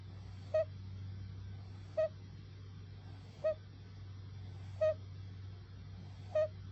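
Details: Two-month-old boy asleep with a floppy larynx: short high-pitched beeping squeaks about every 1.4 seconds on each breath in, over low hum; inspiratory stridor from laryngomalacia, doctor not concerned.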